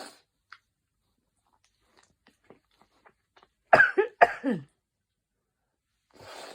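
Two loud explosive bursts in quick succession after quiet breathing, sudden sneezes linked to hay fever.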